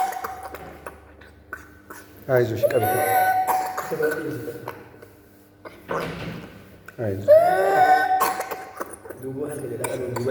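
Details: A child's whooping cough (pertussis): coughing spells, each followed by a high-pitched, drawn-in crowing breath.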